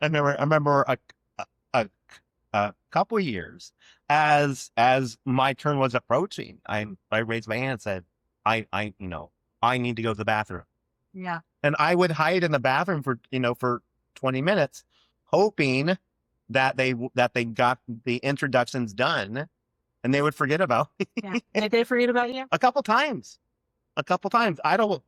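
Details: Adult man who has stuttered since childhood, with repetitions and blocks; stuttering.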